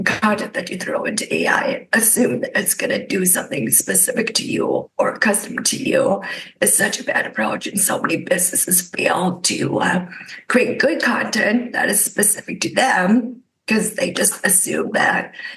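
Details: Adult woman with spasmodic dysphonia caused by neck trauma about 5 years ago, voiceless for about 2 years, treated with neck Botox injections that help but do not cure; spasmodic dysphonia.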